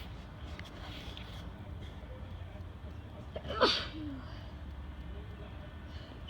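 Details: Single brief muffled sneeze then soft exhale over steady background noise, in a bout of repeated sneezing that started while driving home after a gym workout; sneezing.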